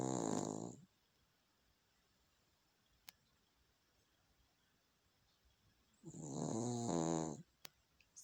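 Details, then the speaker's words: Sleeping dog snoring loudly all night, sometimes sleeping with eyes not fully closed: two loud, drawn-out buzzing snores about six seconds apart in a quiet room. "That's what I hear all night when I'm sleeping."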